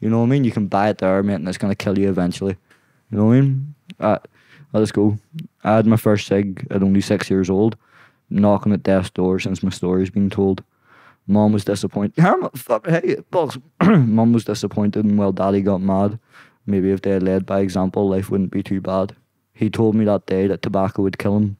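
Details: Young adult man with Tourette syndrome; tics began at 16 as a shoulder tic, spread across his body, then vocal tics followed; worsen with stress and cameras. Involuntary vocal tics of random words and swearing interrupting speech.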